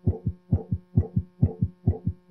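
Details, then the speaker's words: Heart sounds played as an auscultation example for an electronic patient case: steady paired lub-dub at a fast rate of about 130 beats a minute. "so there's the hard sound and so the first question is well what does that sound like to you well that was heartbe okay"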